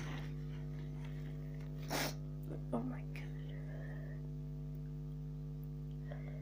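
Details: A single sharp sneeze over a steady low electrical hum, followed by faint voices; sneezing from a person who says they are sick.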